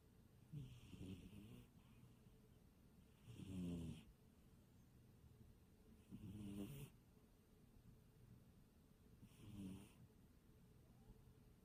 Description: My cat snoring